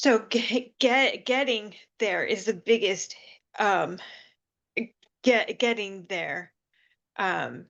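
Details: Woman with aphasia following seizures who reports it takes her time to get the word and that she is getting better; aphasia.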